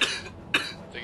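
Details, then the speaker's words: An adult recording a video-game session coughs twice, with short sharp bursts and quiet room noise between them; the speaker says they are tired and coughing but physically fine. "you were coughing. Yes. To the roof. So we didn't hear it. Fuck, I'm tired. I'm coughing."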